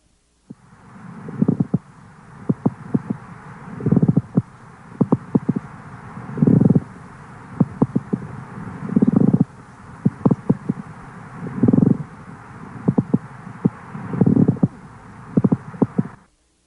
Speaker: the smooth moist layers of the normal pleura move easily and silently over one another but when the surface is thickened by fibrin deposits or coarsened by inflammatory neoplastic cells the sliding motion is impeded by frictional resistance